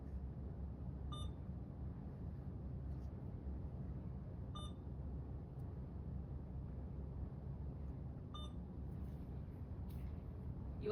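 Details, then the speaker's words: Three short high beeps a few seconds apart over low room rumble: keypresses while turning on and programming an Alaris IV infusion pump for primary IV fluids per provider's order. "Next, you will turn the IV pump on and select the appropriate guardrail IV fluids on your pump setting."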